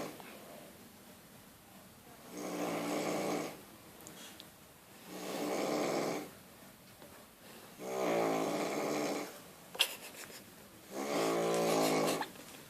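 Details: Heavy snoring: loud, harsh rattling snores on each in-breath, four in about 13 seconds (near 20 per minute), with quiet pauses between.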